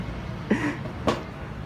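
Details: Two short, dry coughs about half a second apart over steady room noise, from a person vaping for the first time with no visible vapour.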